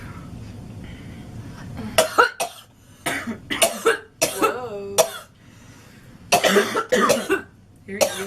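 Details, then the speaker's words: Girl's hard coughing fit, about eight to ten harsh, forceful coughs in quick clusters with strained voiced bursts and short pauses; she says she coughed so hard she farted. "I cough so hard that I fart off."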